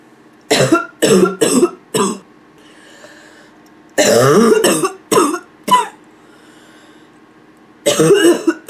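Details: Nonstop barking cough from an adult woman: repeated harsh barking coughs in clusters, with some throat clearing near the end.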